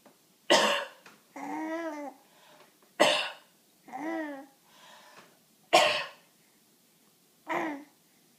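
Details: A child laughs at its mother coughing.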